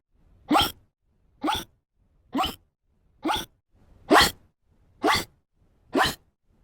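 Seven sharp, evenly spaced hiccup sounds, about one a second, from a sound-effect recording.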